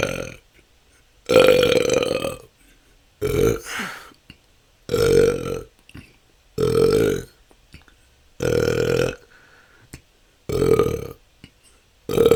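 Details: Adult with long, loud, voiced belches every one to two seconds, about seven in twelve seconds, part of 10 continuous minutes of natural burping; episodes can last hours, a struggle for the last couple of years.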